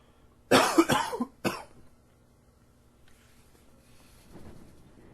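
Two coughs, the first a quick burst of several hacks, the second a single cough, followed by quiet room noise.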